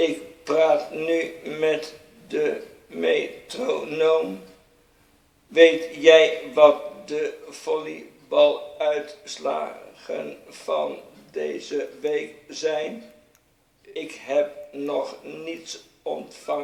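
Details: Dutch-speaking man with Parkinson's disease and severe freezing of speech, pacing his Dutch speech with a metronome; freezing of speech responds to auditory cueing.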